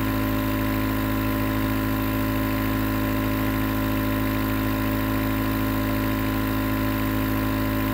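Steady, continuous mechanical hum with a fast buzzing pulse, the sound of a nebulizer compressor running.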